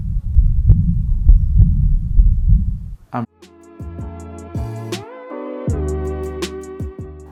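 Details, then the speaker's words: Heart murmur from a malfunctioning valve not opening and closing properly, educational heart tutorial: about three seconds of rapid heartbeats, roughly 100 a minute, with continuous rumbling noise between beats, then music. "listen to how different the heart sounds and there's a malfunctioning valve their valve is an opening and closing properly"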